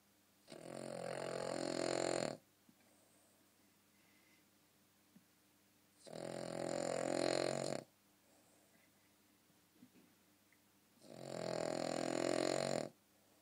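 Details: Sleeping dog snoring loudly: three long, rattling snores about 5 seconds apart, roughly 12 a minute, with quiet pauses between.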